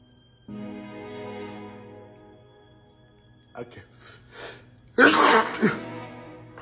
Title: Allergies won’t let bro be great. #sneezeattack